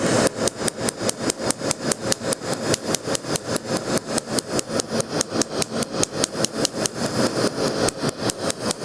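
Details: Rapid, steady, sharp snapping pulses, about 146 a minute, from a laser tattoo removal device firing during a first removal session on a chest tattoo; laser pulsing.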